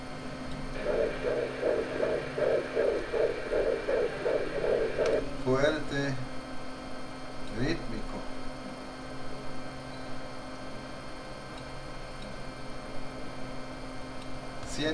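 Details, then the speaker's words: Fast, regular pulsing Doppler heartbeat over steady machine hum on ultrasound, 142 beats a minute, of a male fetus: a strong, normal fetal heart rate. "142 latiros por minuto perfecto"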